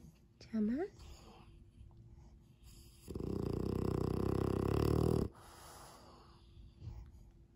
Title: Snoring baby french bulldog ,Sleeping Sound 잠자는 강아지코골이